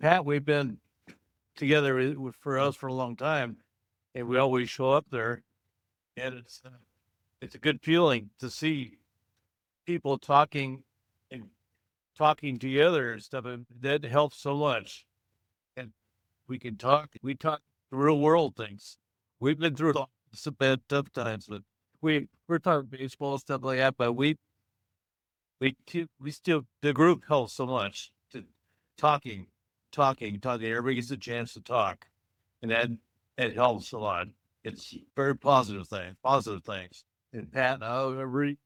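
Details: Adult male stroke survivor with post-stroke aphasia, in a monthly aphasia support group; says he talks with people more now than a couple of years ago, when he could not; real speech; aphasia.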